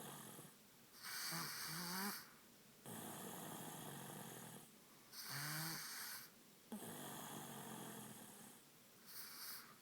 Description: snores